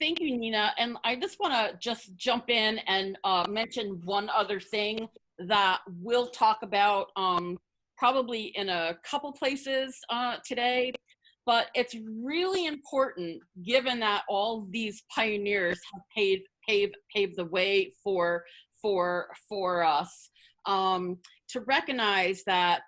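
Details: Adult woman, a person who stutters, with repetitions of words and parts of words; stuttering.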